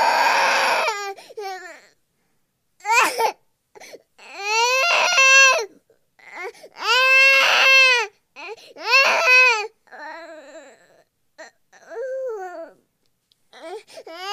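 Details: Infant cries in repeated wailing bursts separated by short pauses and catch-breaths; infant crying.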